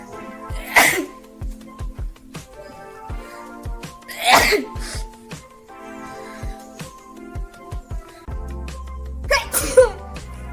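Three loud sneeze bursts over background music.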